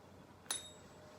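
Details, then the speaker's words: Single sharp metallic strike with clear fading ring as a tuning fork is struck and placed on top of the patient's head for the Weber hearing test; patient reports hearing it on both sides. "So I'm going to hit this fork and put it on the tip of your head, okay?"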